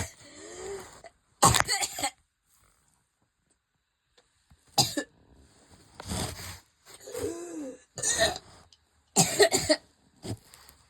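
Repeated harsh, forceful coughs in short clusters, with strained voiced groans and breaths between them: a coughing fit.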